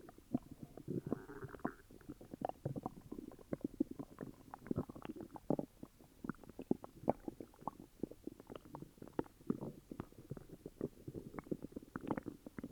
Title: Upset stomach growls🤕